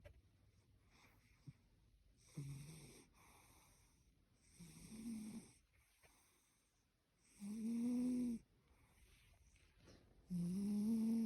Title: Cat snoring during a wild dream 📣💭♥️